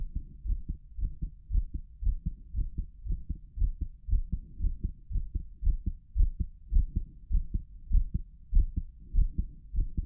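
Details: Loud, fast, regular heartbeat about 105 beats a minute, heard through a stethoscope over the chest of an adult man with a visibly heaving apical impulse, auscultated at each valve: rapid, forceful heartbeat.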